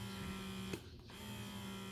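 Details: Bubee double electric breast pump running in stimulation mode: steady low motor hum with a brief click as the cycle changes.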